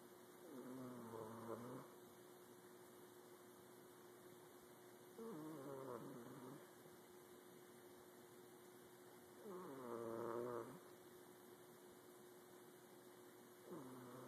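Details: Sleeping cat snoring: quiet, rhythmic soft buzzing snores about four seconds apart, roughly 14 a minute, with a steady hum behind.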